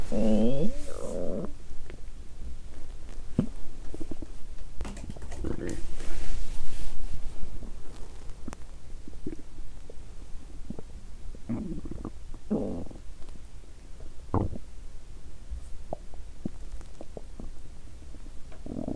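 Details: Borborygmi after exercising on an empty stomach, which left the person nauseous with a cramping stomach and intestines: deep, low belly rumbles and short gurgles over steady room noise.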